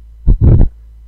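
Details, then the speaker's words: Simulated aortic stenosis murmur from a heart physiology app animation: first heart sound followed by a rough, rumbling murmur between S1 and S2, from turbulent flow through the narrowed aortic valve. "This narrowing creates abnormal blood flow and there is turbulence indicated by the spinning cloud as blood moves through the aortic valve. The sound of the murmur is associated with that"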